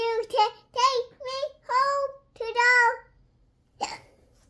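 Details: 3-year-old child singing "Hot to Go" with hiccups: short sung phrases broken by abrupt catches in the voice, and a sharp gulping sound at the end; hiccups.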